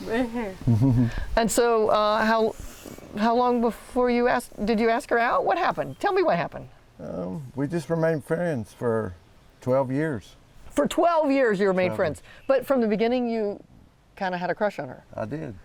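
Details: 40-year-old woman with athetoid cerebral palsy, GMFCS level 3/4, moderate to severe quadriplegia, uses walker and power wheelchair; speech may be hard to understand; dysarthria (athetoid cerebral palsy).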